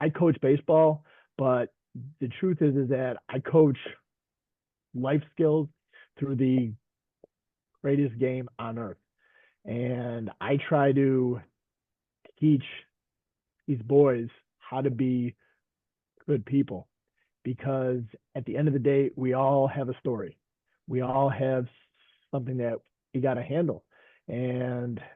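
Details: Stuttering in a man who stutters, a veteran high school coach and special education teacher, speaking in a group session.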